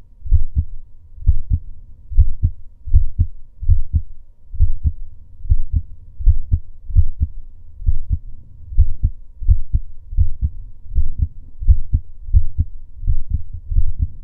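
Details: Male's own heartbeat recorded during breath holds: steady paired heart thumps at about 78 beats a minute with an even rhythm; normal heartbeat.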